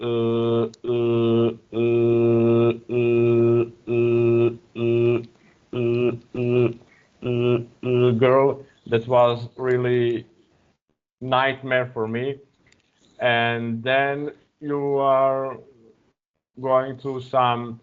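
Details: Real stuttering in an adult man speaking English as a second language; he uses a speech technique of focusing on a word's first or second vowel.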